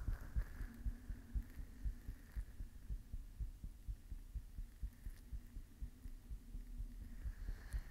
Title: My Heartbeat ☺️💓